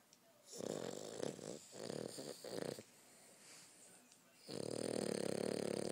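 Rough, fluttering snoring breaths with a rapid vibrating rattle, one longer snore followed by another starting, over faint room noise.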